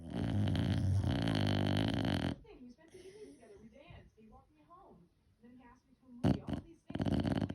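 Loud, low rumbling snore bursts at the start and end, with quieter snuffling breaths between. Dog snoring.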